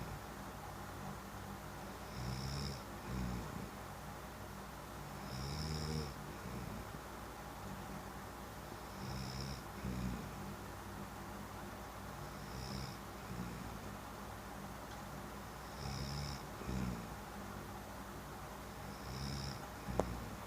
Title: snoring hubby :) :)